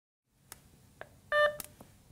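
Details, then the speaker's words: Nonin RespSense sidestream capnography monitor switched on by holding the on/off button in the upper right corner: a few soft clicks, then a single short electronic power-on beep before its self-test. "turn on the resp sense monitor by pressing the on off button in the upper right corner until you hear a beep"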